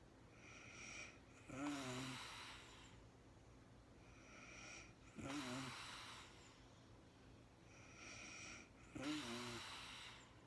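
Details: Real-time recording of a woman snoring during sleep, no talking, very tired and falling asleep: three snoring breaths, each a soft rattle with a slightly whistling, snorting edge, about 16 a minute; snoring.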